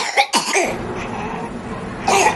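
A child coughs in two quick bursts, pauses amid faint room noise, then coughs once more: a short run of ordinary coughing.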